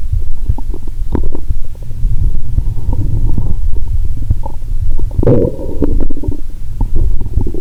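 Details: Stethoscope over the belly, near the navel, after drinking cola and swallowing Mentos: loud continuous low gurgling and rumbling, with a loud groan roughly every 2–3 seconds; active bowel sounds.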